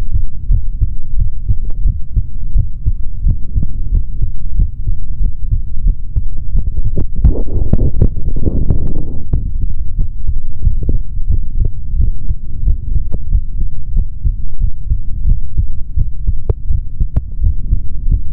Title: ASMR MALE SOUNDS INSIDE BODY | Stethoscope | HeartBeat | No Talking |